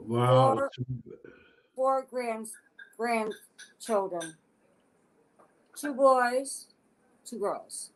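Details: Adult woman with aphasia since a stroke in August 2014 at age 52, affecting her speech expression but not her intelligence; aphasia.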